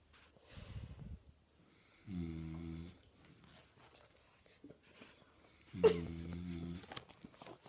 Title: My friends dad snores so weirdly 😂